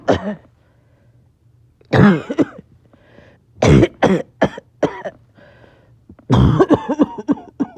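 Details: Person who says they are a little short of breath; repeated bursts of harsh coughing in clusters with quiet gaps between: back-to-back coughing fits, clipped together.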